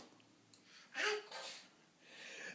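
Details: Young girl fake sneezing: a quick indrawn breath, then a single sharp airy burst, a deliberately faked sneeze.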